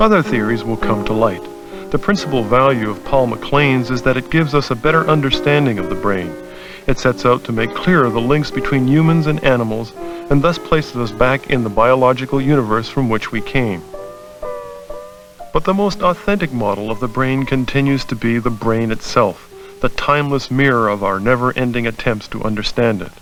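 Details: Adult male narrator; normal speech.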